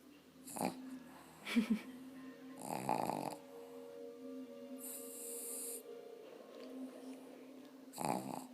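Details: Sleeping pug, a small flat-faced dog: noisy, rattling snoring breaths, some ending in snorting bursts; snoring.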